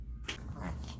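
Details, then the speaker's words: A dog reverse sneezing: a brief, harsh snorting intake of air through the nose, shown as an example in a client education video. "so today we're going to show you two examples of reverse sneezing enjoy"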